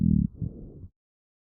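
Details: Rhonchi in the lungs, recorded with a StethoMe electronic stethoscope and classified by AI: low-pitched, snore-like continuous sounds from airway mucus; described as characteristic of asthma.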